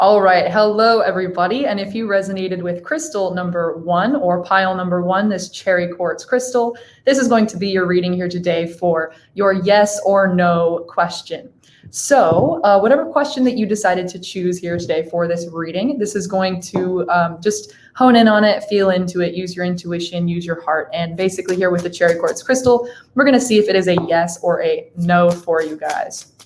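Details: Adult woman speaking; normal speech.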